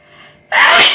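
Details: Sneezing challenge video: a quiet lead-in, then one sudden, loud, explosive burst of air through the nose and mouth, a single sneeze.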